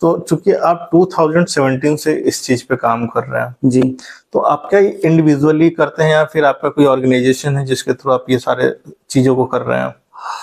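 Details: Adult male speaker; normal speech.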